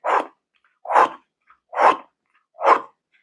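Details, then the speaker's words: Vocal imitation of severe mitral regurgitation: a holosystolic murmur loudest at the apex, which can radiate to the axilla, with four long blowing bursts at about 70 a minute; the murmur swallows the second heart sound. "De hecho, cuando la insuficiencia mitral es mucha, se puede comer el segundo ruido. Entonces, en vez de sonar tutum, tutum, suena."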